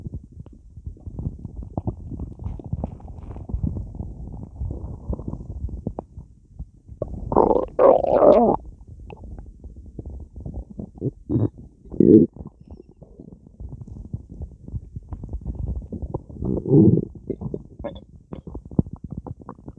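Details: Long gurgling, bubbling rumbles with louder growls coming and going from a stomach bloated by drinking a lot of soda while lying in bed; active bowel sounds.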